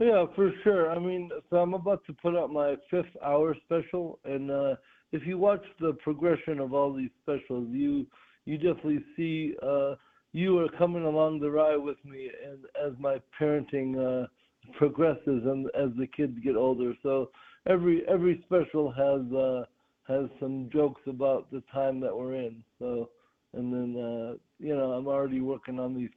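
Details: Dysarthria in an adult male comedian with cerebral palsy present since birth, which he calls severe (terrible palsy); real speech recorded during an interview.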